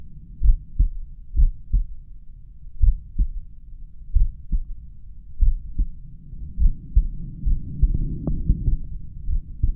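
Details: Person's own resting heartbeat, probably at the mitral area, with a pulse oximeter counting the rate: paired lub-dub sounds, slow and regular at about 46 a minute, faint low heart rate alarm beeping; bradycardia.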